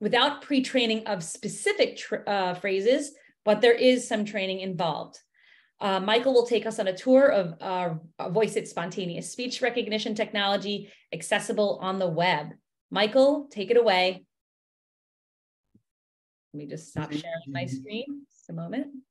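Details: Adult woman speaking; normal speech.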